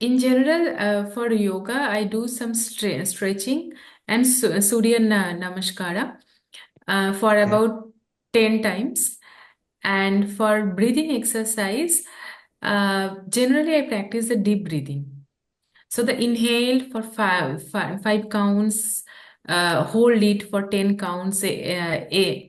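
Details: Adult woman who stammers, a real speaker who practices yoga, deep breathing and Bhramari exercises; stammering.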